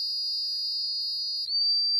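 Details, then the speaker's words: Dolphin Neurostim pain-management stimulator set to negative and switched on for a circuit test: a steady high-pitched electronic tone that shifts slightly and settles into a single pure tone. "you're going to take the dolphin neuros stem you're going to put it on the negative setting we're going to turn it on when you turn it on if you have it on properly and I don't so you can test it by doing this watch see the dolphin Nur"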